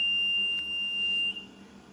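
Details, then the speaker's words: Philips EverFlo 5-litre oxygen concentrator, humidifier bottle and nasal cannula connected: a steady high-pitched electronic beep just over a second on pressing the power button, then quiet machine hum. Start-up beep. "After that, you have to switch on the machine using the power button given here."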